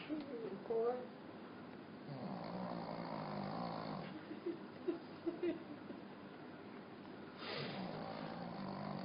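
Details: Small Pekingese dog snoring loudly during sleep, sounding like a big dog or a human.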